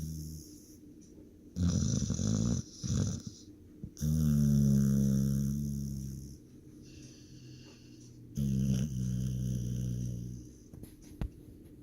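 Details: Loud, rough, rumbling snores in bursts with quieter breathing between, during sleep; snoring.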